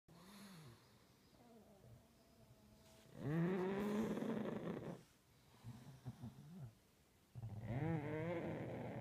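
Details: Pug dog Pepe asleep: loud, rattling, honking snores with snuffling between breaths, noisy flat-faced dog sleep breathing.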